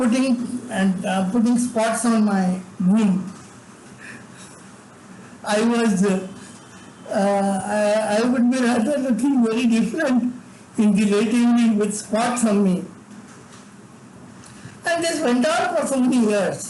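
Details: Adult man with severe cerebral palsy from birth, involuntary tremors in all parts of his body, unable to talk until age eight; dysarthric speech in cerebral palsy, speech disorder not named directly.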